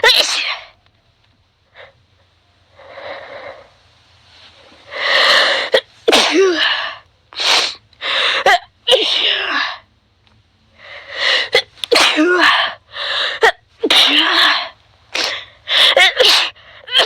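A long run of about fifteen rapid, forceful sneezes with short breaths between, a bout of repeated sneezing.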